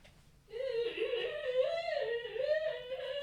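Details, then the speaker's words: Dog held up making her usual wheeze: a steady, high, whistling wheeze whose pitch wavers for nearly three seconds. "I'm going to turn down the noise gate on the microphone so you can hear her wheezes."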